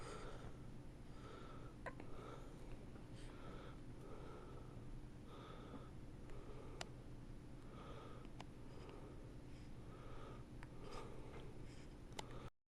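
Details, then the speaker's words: Persistent hiccups: repeated short, sharp breathy catches, roughly every half second to second, over steady room noise. "still have the hiccups, huh?"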